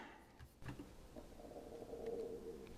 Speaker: you hear that that's my tummy